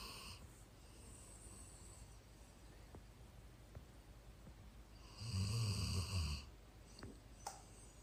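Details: Snoring that has appeared with age in an older dog: quiet breathing broken by a loud, low, rattling snore on one breath.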